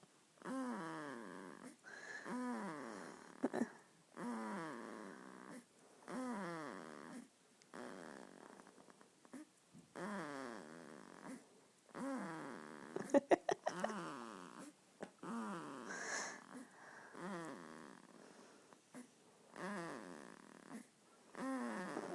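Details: Two-week-old baby boy sleeping, with repeated squeaky, whistling snores on each breath at roughly 40 breaths a minute; infant snoring.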